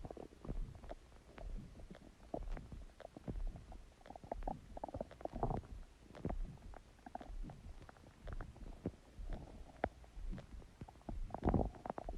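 Continuous low gurgling and bubbling rumbles with irregular pops; ordinary stomach growling from gas and fluid moving through the gut.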